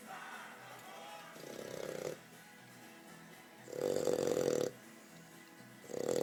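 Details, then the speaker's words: A 4-month-old Old English Bulldog snoring loudly at home. Loud, buzzing breaths come about every two seconds, with faint background music. "No. He's snoring loud. He woke up. He woke himself up."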